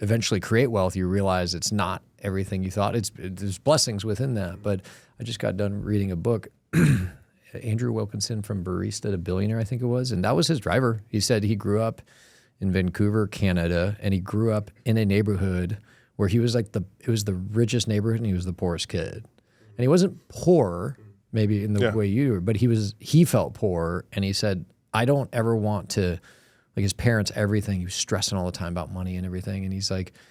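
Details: Adult male speaker; normal speech.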